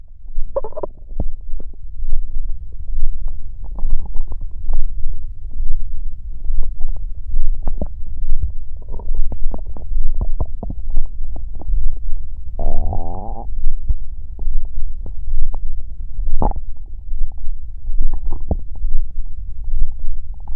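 Low gurgling and rumbling with a brief squeaky growl; ordinary bowel sounds of stomach growling.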